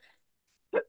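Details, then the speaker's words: Adult woman recovering from mold-related illness, saying she is healing and coughing and wheezing a little: a single short, sharp cough burst after a brief faint sound and pause. "see you'll hear me coughing and wheezing just a little that's just I'm I'm healing excuse me again"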